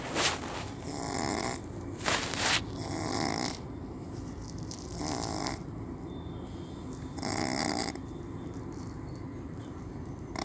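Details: Snoring in a pug dog: loud, rough snorting breaths repeating every couple of seconds, with some whistling.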